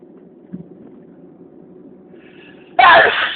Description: A new video with a lot of sneezes..I thought to sneezing to infinity..